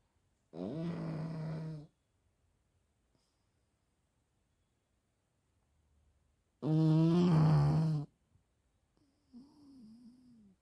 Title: This happened to my pug after eating Chicken... #pug #funnyvideo #snoring